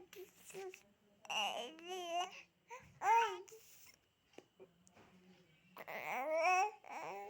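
An infant's vocalizing with rising whiny cry-like bursts mixed with babbling, a fussy cry rather than sustained distress.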